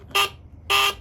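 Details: HawkMed HK-400III syringe pump, during sound-volume menu demonstration: two short, bright electronic key-press beeps about half a second apart.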